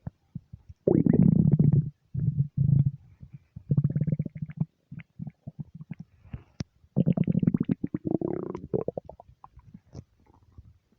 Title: nonstop stomach rumbles